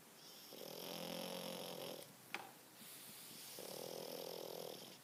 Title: Frence Bulldog snoring 😍